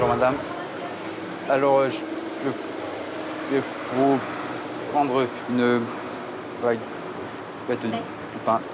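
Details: Male speaker with severe stuttering since age 4, buying a baguette; stuttering.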